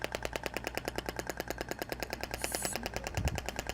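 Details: Radial shock wave (ESWT) applicator held static on a trigger point during treatment: rapid, regular sharp clicking pulses with a low mechanical hum.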